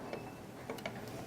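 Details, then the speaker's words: Soft mechanical clicks of a ratchet wrench during dental implant surgery, finishing placement of a 3.75 × 13 mm C1 MIS implant after it reached at least 35 Ncm with the motor; dental ratchet wrench clicks. "so have that now that the implant is placed and reached at least 35 newton centimeter i'm going to finish placing it with the ratchet wrench"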